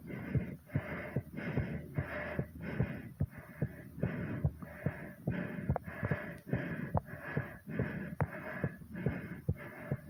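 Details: Fast, regular pounding heartbeat near 145 a minute under loud, heavy breathing, recorded after exercise; a very fast heart rate after exertion.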